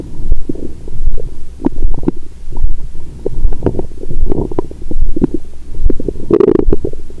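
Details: After 22 hours of fasting followed by a large Christmas dinner with wine, the abdomen heard through a stethoscope gives continuous loud gurgling and rumbling over a steady throbbing, the heart said to be racing from alcohol: active bowel sounds.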